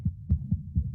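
Quick, regular low thumps of a goat's heartbeat at rest, with no added sounds: normal heart sounds, though the rate is somewhat fast.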